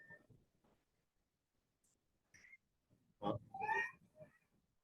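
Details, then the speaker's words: Very sick child with audible inspiratory stridor, heard without a stethoscope, plus expiratory wheeze. Noisy, strained breaths with high whistling tones, sternal retractions and heavy diaphragm work. "so we call that audible inspiratory Strider but you don't even need the steps to go if you hear it because you're wheezing on exhale without a stethoscope"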